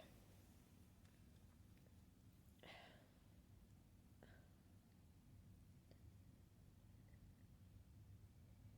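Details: Late-night sneezing fit: two quiet, stifled sneezes and a faint third in a hushed room, held back against a strong tickle.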